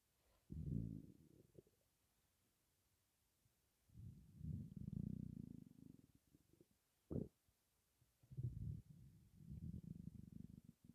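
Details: Stomach rumbling while breathing in and out: low gurgling rumbles in three bursts with quiet gaps, from gas and air in an empty stomach, possibly hunger.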